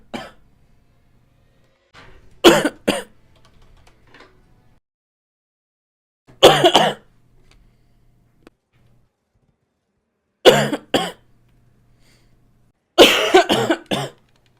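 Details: Girl coughing: four bouts of harsh coughing, two to four coughs each, separated by quiet pauses; repeated coughing fits.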